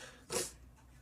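A single sharp, hissing burst of air, typical of a sneeze, against quiet room noise.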